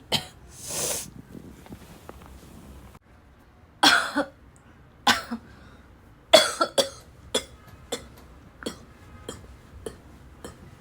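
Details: Repeated hard coughing described as barking and as choking on the cough: a run of about a dozen harsh, forceful coughs in quick succession after a strained throat clearing.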